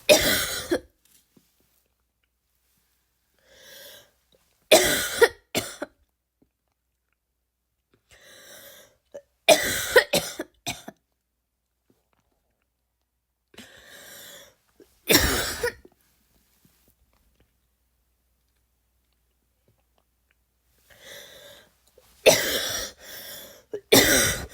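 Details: An adult imitating a barking cough: short, harsh cough bursts, each after a brief audible breath in.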